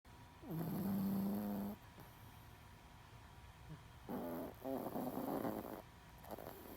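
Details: A 10-pound Chihuahua snoring loudly, with two long, loud snores with a droning, whistling tone and a quieter pause between; snoring.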